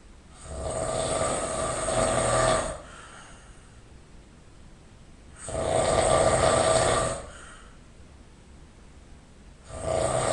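Loud, rough, rattling snores on each breath in, about two in ten seconds, with quiet breathing out between them. Heavy snoring.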